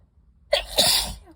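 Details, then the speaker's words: Allergic sneezing fit triggered by dust from books: a single sharp, forceful sneeze with a brief in-breath before it, one of repeated sneezes. "holy [ __ ] I have to sneeze again see this is how I am with the dust it just keeps going and going and going"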